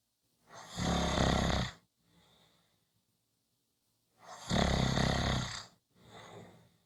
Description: Short snoring Clip, come back on Friday for a longer snoring audio.